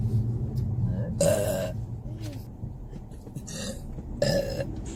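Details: Adult woman burping in a vehicle: two loud, drawn-out voiced belches with a softer one between, over steady vehicle rumble; burping.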